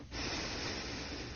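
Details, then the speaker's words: Simulated model snoring with airflow limitation in a sleep-disordered breathing presentation: on arousal he takes a single loud, rushing deep breath in, and breathing, heart rate and brain-wave activity begin to normalize. "on arousal our model rapidly takes a few deep breaths as he does so the various characteristics begin to normalize"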